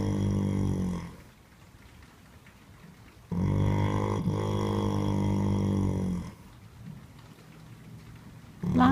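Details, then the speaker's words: Horse snoring in a stable during sleep, with long, low, droning, buzzing sounds of about three seconds each, separated by quiet pauses. "lanao are you feeling okay you're snoring"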